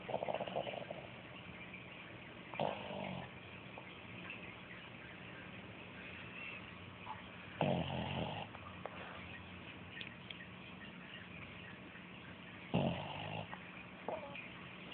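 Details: Rough snoring breaths during sleep recurring about every five seconds, roughly 12 a minute, over steady room hum.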